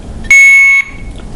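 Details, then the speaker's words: Alaris infusion pump occlusion alarm, pump side ("occluded fluid side, empty container"), triggered in a training demonstration by bent tubing stopping flow: a single loud, steady high-pitched beep over quiet room noise. "occlusion on the pump side so let's hit the silence button and read what it's saying occluded fluid side empty container it means it's not getting any fluid"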